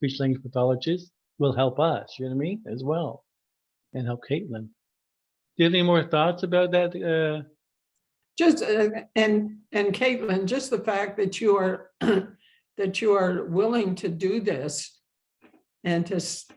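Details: Adult woman who stutters, with a history of speech therapy and support group attendance; stuttering.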